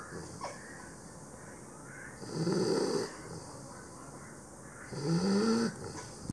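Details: Pit bull puppy snoring while asleep after a tiring day: two soft, whistling, vibrating breaths over a steady background hiss.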